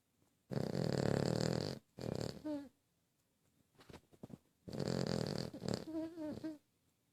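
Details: Dog snoring: loud rattling breaths in and out, some ending in a whining squeak, with quiet gaps between.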